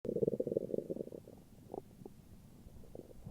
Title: morning stomach growls :3